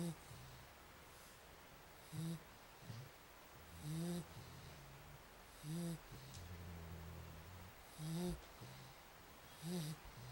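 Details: Growing individual whose snoring is getting louder: low, rough snoring sounds repeating roughly 15 times a minute, with steady background hum; snoring.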